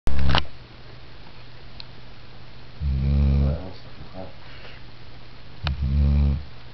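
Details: Snoring from a sleeper, possibly a female dog, asleep after her P.A.T. work: loud, low, rattling breaths about every three seconds, with a sharp noise at the start.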